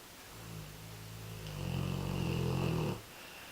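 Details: American Bulldog snoring during one of his quieter sessions; he often gets much louder. A single loud, rumbling snore building over about three seconds, with a rattling throaty vibration.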